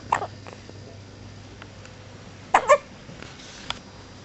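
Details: Hiccups: two brief, sharp, abrupt bursts over about four seconds, with a faint third, against quiet room noise.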